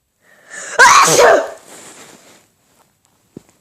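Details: Quick in-breath, then one loud explosive burst trailing into a breathy exhale: a single unexpected sneeze while recording.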